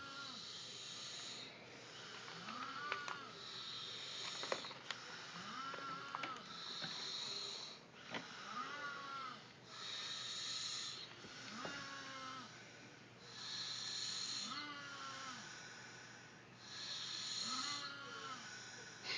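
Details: Two people snoring: rhythmic hissing snores at about 19 a minute, each inhalation carrying a light rattling tone; ordinary snoring.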